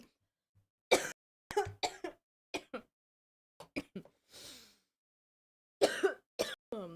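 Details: Person who is still sick and has been coughing a lot all day: a run of about eleven short, sharp coughs in clusters, with a brief breathy snort partway through. A persistent coughing fit.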